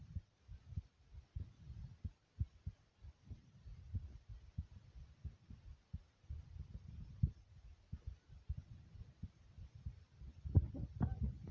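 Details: Own fast thumping heartbeat recorded together with loud stomach growls: quick, regular low thumping heartbeat with gurgling stomach growls rising near the end; fast heartbeat with bowel sounds.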